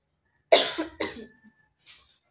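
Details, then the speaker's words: Two forceful voluntary coughs using the abdominal muscles, then a faint breath out, from an adult acting as the patient in a nursing student's percussion, vibration and postural drainage demonstration: voluntary cough after chest physiotherapy. "abdominal muscle while cffing increases c effectiveness"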